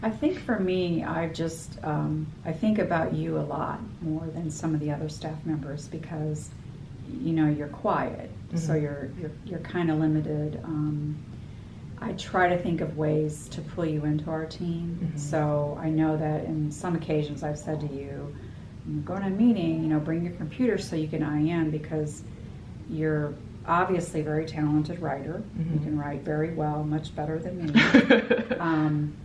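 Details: Adult woman speaking; normal fluent speech.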